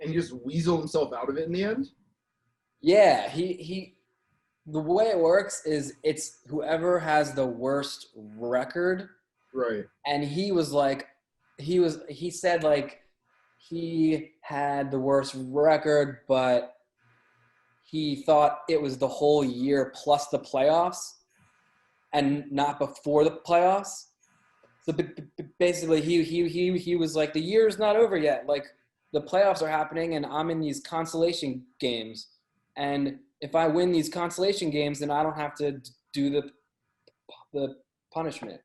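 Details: Adult male with a lifelong stutter, hard for him as a child; stuttering.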